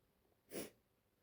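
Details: Female lying in bed feeling unwell, possibly getting a cold, sneezing: a single soft, brief burst of air through the nose and mouth, a quiet sneeze against faint room noise.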